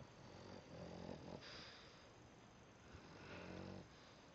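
Rough, rattling snores with snorting breaths from a sleeping small dog; ordinary snoring.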